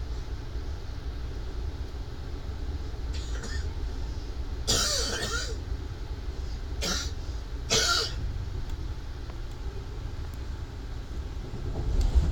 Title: Mans cough.wmv